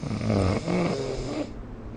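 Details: Snoring during sleep, recorded with the SnoreLab smartphone app: a loud, low, vibrating snore with a buzzing, groaning quality, lasting about a second and a half before fading.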